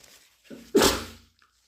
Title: Induced flu sneezes and blows